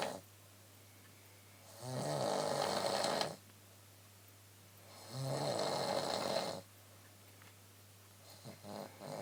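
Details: Adult woman snoring at night (about 1:15 am): two long, loud rattling snores on inhaling, each over a second, separated by quiet breathing, with a steady room hum.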